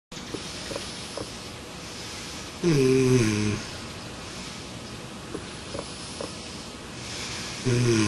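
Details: Snoring recorded during a sleep experiment with a smart snore pillow; two short, low, buzzing snores against a steady room hum, with faint soft sounds in between.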